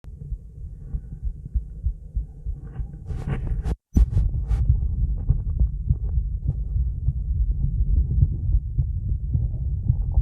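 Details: A woman's heartbeat recorded after a 30-second plank, through recovery and a breath hold: fast, steady, clear lub-dub thumps; normal heart sounds at a fast rate after exertion.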